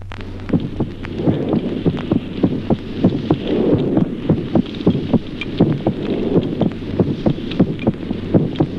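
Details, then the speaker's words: Normal heart sounds in a child: quick, regular beats with a normal first and second sound, the rate varying gently with breathing, which is respiratory sinus arrhythmia. "Ejemplo segundo, signoscultatorios normales en el niño. Arritmia respiratoria"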